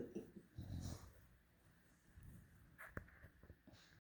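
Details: Violet, a tricolor Bulldog puppy, sleeping in a quiet room: soft, low rumbling snores with faint wheezy breath noise.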